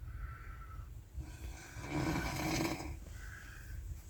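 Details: Person snoring on an Anapa train, recorded 3 July 2022: one low, rumbling snore over steady train noise.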